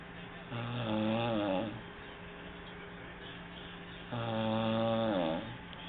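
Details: Two long, rumbling, buzzing snores about four seconds apart, with a low steady room hum between them; snoring recorded on a mobile phone.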